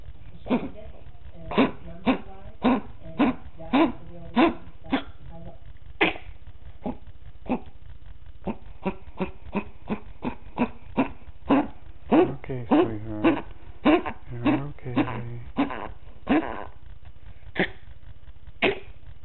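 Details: Dog with a worsening cough, recorded in the evening for the vet: a long run of about 30 harsh, bark-like coughs at roughly 100 per minute.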